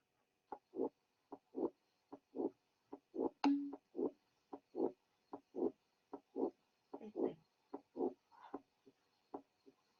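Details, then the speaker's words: Regular heart sounds near 75 a minute in a patient with mitral valve prolapse: a mid-systolic click then a short late systolic murmur, the murmur added then removed from the cycle. "The following example will display such a late systolic murmur. The murmur will be added and then removed from the cycle."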